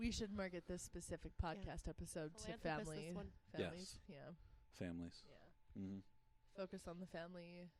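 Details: Adult speaker; normal speech.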